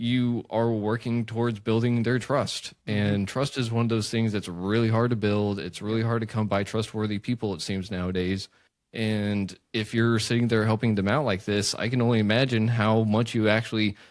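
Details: Adult man; typical speech.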